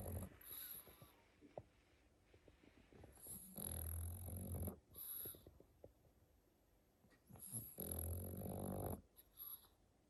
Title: | SNORING PUGS ARE TOO CUTE 🥰 | Pug sleeping in his winter sweater |